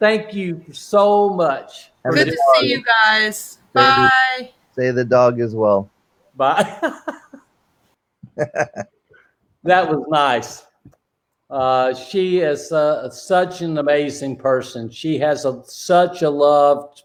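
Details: Male with non-fluent aphasia since a stroke during heart valve surgery in 2007, initially able to produce only two single words; aphasia (post-stroke).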